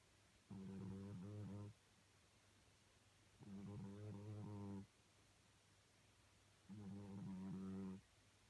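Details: Sleeping cat: three low, rumbling snores about every three seconds, roughly 19 a minute, with quiet pauses between; ordinary snoring.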